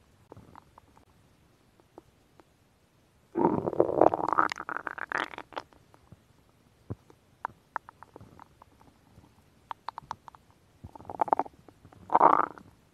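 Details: Woman's stomach growling recorded for ASMR: gurgling, rumbling bursts with scattered pops and bubbling separated by quiet gaps; ordinary borborygmi from gas and fluid moving through the gut.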